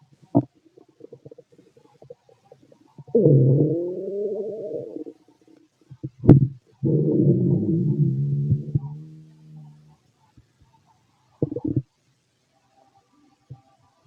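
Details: Borborygmi from a fit adult male's abdomen, recorded with a stethoscope: long, tonal, gliding growls with short gurgles and pops between them; normal stomach growling.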